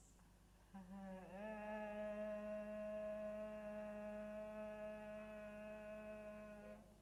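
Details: Abductor spasmodic dysphonia: the vocal folds are slow to come together, giving a latency before phonation.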